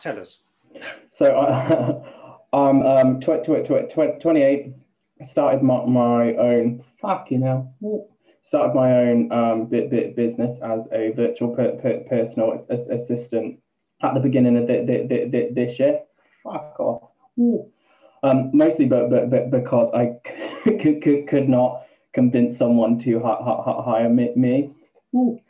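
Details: Man, 28, with Tourette syndrome beginning just over two years ago after health issues and a string of seizures, with involuntary swearing, repeated words and a stammer: vocal tics with stammering (Tourette syndrome).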